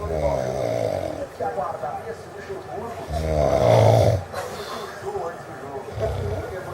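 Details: Adult friend sleeping: loud, deep rattling snores in long breaths, faint background talk; snoring.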